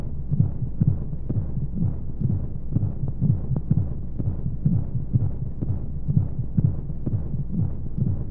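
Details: Womb-sound sleep aid for babies with white noise: steady muffled whooshing heartbeat at about 125 beats a minute over a constant low rumble of flowing sounds, as heard inside the womb.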